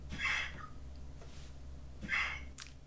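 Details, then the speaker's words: Pet squirrel that often chokes on paper, recorded in the background; two harsh, hissing bursts, a choking or gagging episode, then spits against the glass; steady low room hum. "Alors là, je sais pas si on entend en arrière-plan, c'est Minus là qui est en train de s'étouffer. Un papier Minus et il s'étouffe tout le temps."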